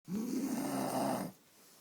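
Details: Animal nicknamed a llamacorn snoring: a single rough, groaning snore-like sound lasting just over a second.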